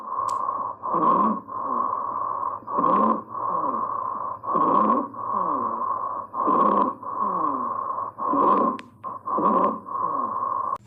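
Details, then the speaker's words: Stridor in croup, an upper airway infection: harsh, high-pitched whistling breath sound with rapid breathing from a narrowed upper airway. "Group में तो उसमें यहां पर यह वाला साउंड सुनाई पड़ता है स्टेटस साउंड है वह कुछ इस तरह पड़ता है"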